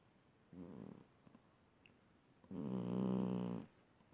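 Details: Snoring from a sleeping cat: two low, rumbling breaths, a short one and then a longer fluttering one.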